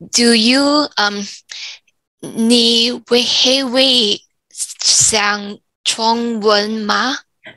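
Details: 34-year-old woman, stroke from arteriovenous malformation at age 31 (July 2019), weaker right side and memory decline; Mandarin speaker who lost tones; in speech therapy; aphasia with apraxia of speech.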